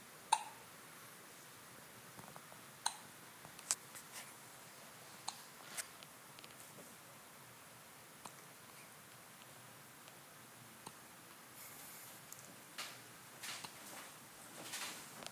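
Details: Infant hiccups in a baby boy: soft, sharp little clicks every few seconds in a quiet room.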